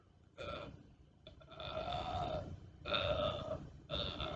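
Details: Simulated burping, actually zombie-like noises made under a blanket by someone who says they cannot burp on command: three or four voiced, croaky belch-like sounds in a row, one long and drawn out, over low background hum.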